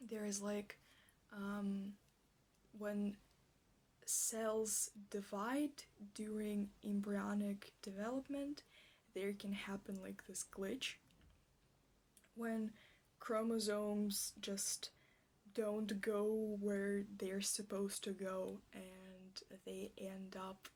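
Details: Stuttering with whole-word repetitions in a woman, in an ASMR clip presented as a stuttering roleplay; she states she stutters like this in real life.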